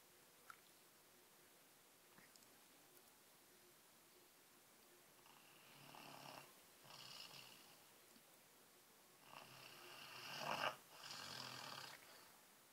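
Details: A person sleeping in a small room makes quiet, irregular noisy breathing with a few rough inhaled and exhaled bursts; soft snoring.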